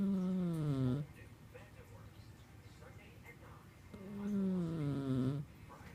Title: Snoring cat